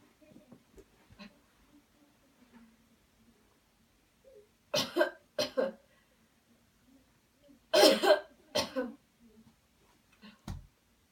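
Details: Coached airway-clearance coughing technique after counted breathing: quiet breathing, then a deep breath in and four deliberate, forceful coughs in two pairs.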